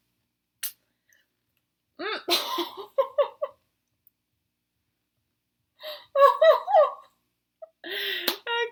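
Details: Vocal tics in a woman with Tourette syndrome who had missed her medication the night before.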